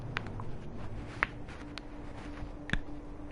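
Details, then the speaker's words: A few faint, sharp clicks over low room hum while a gamer says they are cracking joints; joint cracking. "Are you cracking joints? What are you talking about? I heard you crack something."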